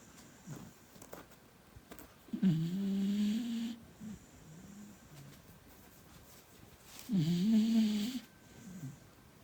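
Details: Sleeping beagle puppy snoring: two loud, buzzing, tonal snores about five seconds apart with softer whistling breaths between, roughly 13 breaths a minute.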